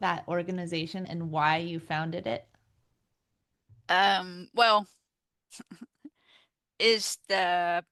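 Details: Real adult woman, a stroke survivor living with post-stroke aphasia, speaking in an interview; aphasia.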